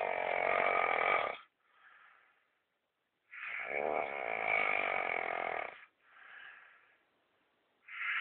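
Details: Snoring.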